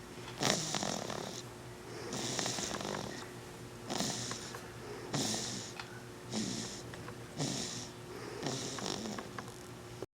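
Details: Just over one month old, snoring during sleep: regular raspy, hissing snores, about seven breaths in ten seconds, with a faint steady hum behind.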